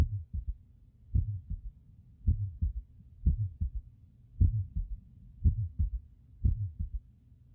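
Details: Third heart sound (S3) via stethoscope: a slow, steady heartbeat with a soft, low extra thud after S2, giving a galloping three-beat rhythm; an innocent murmur is also labelled.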